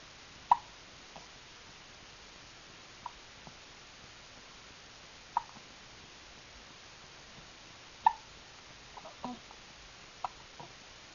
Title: Hiccups